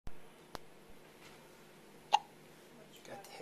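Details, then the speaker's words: A baby seeing sunlight for the first time has hiccups: several brief, sharp hiccup catches in a quiet room. "Look. Got the hiccups?"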